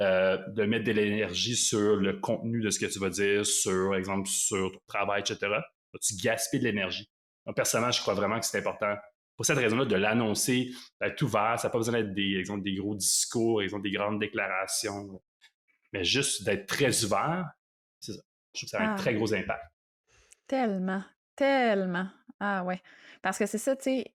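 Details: Adult man who lives with stuttering and calls himself a "chatty stutterer"; stuttering.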